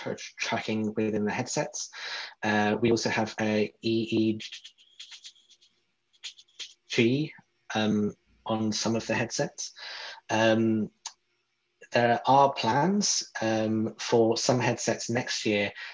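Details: Adult who describes himself as a person who stutters, speaking in a podcast interview; stuttering.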